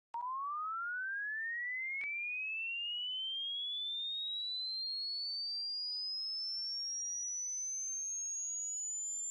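One steady pure tone that glides smoothly from mid pitch to very high pitch: a hearing test sweep tone.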